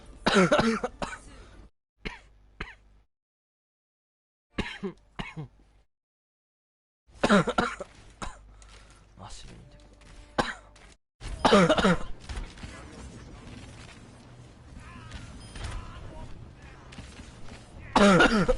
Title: hard coughing